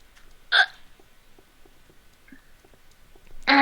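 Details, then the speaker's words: Two abrupt, brief voiced hiccups about three seconds apart over quiet room noise, during an ongoing bout of hiccups while the person chats and plays a game online; the person jokes that the hiccups are an ab workout. "I'm getting an ab workout from this you know hiccups a hiccup ab workout nice"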